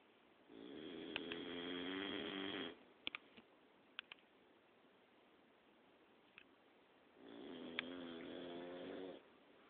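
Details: A dog snoring at night: two long, rattling, buzzy breaths about six seconds apart, with faint clicks between them; snoring.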